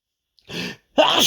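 A soft breathy intake followed by a sudden loud explosive burst of air: a single big sneeze.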